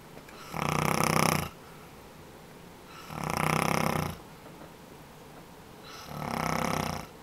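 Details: Adult man (a father) snoring, audible through walls and doors, reportedly for 40 years and sometimes louder: three loud, rough snores about a second each, quiet gaps between, roughly 24 breaths a minute.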